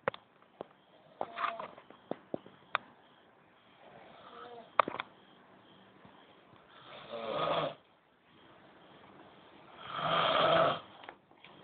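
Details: Old men snoring every night, keeping the listener awake: loud, rattling snores on breathing in, about two seconds apart in bursts, with quiet gaps and scattered clicks between them.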